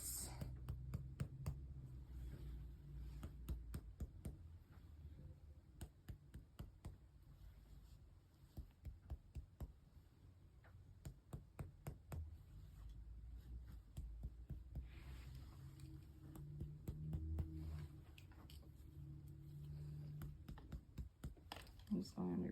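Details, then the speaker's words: Simulated head-to-toe student nurse exam: chest percussed over 12 lung spots after noting 2:1 chest ratio (not barrel chest); series of soft hollow taps giving a resonant note, normal lung finding. "Now I'm going to percuss 12 different spots on your lungs. >> Okay, starting up here and I am noting resonance."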